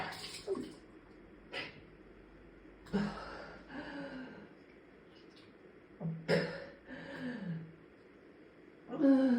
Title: #9 puking, no coughing. Read Description